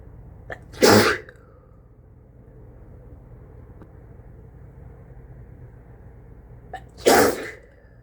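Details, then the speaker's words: Person with a cold sneezing repeatedly into a face mask, unable to stop: two forceful sneezes, each with a brief catch of breath before, slightly muffled by the mask, over steady room hum. "Oh, I can feel more coming. Phew. I just can't stop sneezing."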